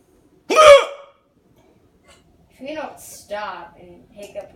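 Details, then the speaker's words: A single loud, abrupt voiced gulp followed by brief talk; a hiccup from a person who has never had hiccups this bad and cannot get rid of them. "what it's not my fault I've never had hiccups like this before how am I going to get rid of them"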